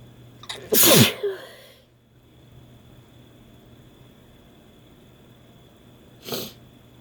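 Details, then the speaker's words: Sneezing induced by Chhinkni sneezing powder on first use, after extra doses and another added agent. One loud, forceful sneeze with a sharp intake before it, then a quieter second sneeze seconds later. "Guess it's not going to work on its own. I'm going to introduce something else to maybe get myself sneezing here."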